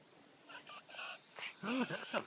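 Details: Dog with breathing problems, owner says not kennel cough and not reverse sneezing: short bursts of high, whistling, squeaky breath noises, wheezing.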